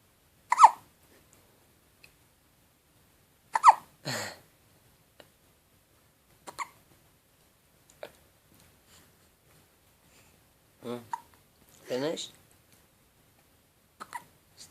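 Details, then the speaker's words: Baby's hiccups, ongoing for about an hour: short, sharp hiccups about 20 a minute with soft baby vocal sounds between them in a quiet room; infant hiccups. "Hiccups. Baby's hiccups."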